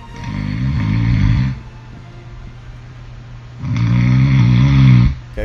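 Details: Two loud, deep, rattling snores separated by a quiet breath out, from an entry in a snoring contest: heavy snoring.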